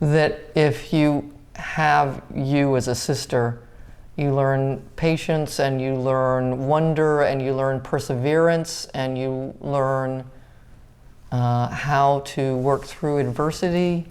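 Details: Adult speaker; ordinary speech.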